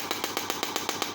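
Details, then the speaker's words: A Jinha HL3621 shockwave therapy handpiece, applied directly to the medial knee for knee osteoarthritis pain, gives rapid, evenly spaced sharp clicking pulses, about eight per second; the person being treated says they feel pain. "so let's start applying the shock waves so you can see I'm applying the software directly onto the medial part of the knee"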